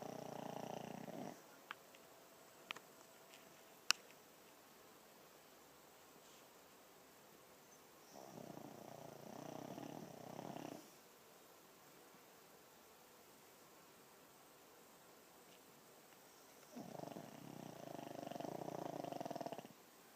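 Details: Snoring: slow, soft, rasping snores about every eight seconds with quiet pauses between, in a still room.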